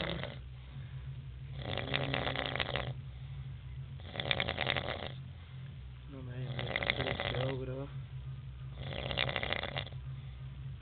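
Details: Rhythmic heavy rattling snores about every two and a half seconds, roughly 25 a minute, from a man asleep in bed after 27 hours of partying, heavy drinking and smoking; ordinary heavy snoring.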